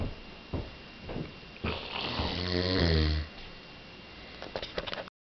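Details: Adult man snoring in his sleep, loud enough to be mistaken for a bear: one long, deep, fluttering snore on a breath in, with softer breathing and small rustles around it.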